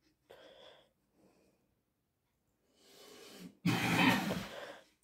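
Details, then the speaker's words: Cough from an adult who has fallen ill: a few muffled bursts ending in one loud harsh cough in a small room. "mi się pochorował Słuchajcie Sorry za te jego kaszle tu"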